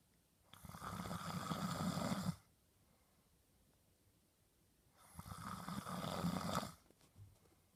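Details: Adult man snoring in sleep: two long, rough, rattling snores on inhalation about four and a half seconds apart, roughly 13 breaths a minute, with quiet pauses between.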